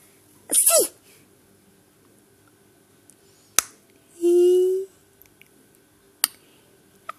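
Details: A mother's single loud, high-pitched sneeze that makes her baby smile, then a brief vocal sound and a few clicks in a quiet room; an ordinary sneeze.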